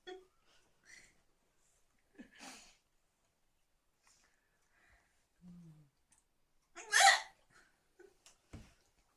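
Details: Female with hiccups in a quiet room: scattered brief catches of breath and one louder abrupt burst; hiccups.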